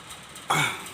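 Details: Single short, harsh, dry cough-like burst from a pet dog with kennel cough, which the owner says recovered.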